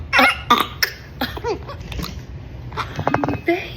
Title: Baby hiccups #baby #funnyvideo #kids #newborn #funnybaby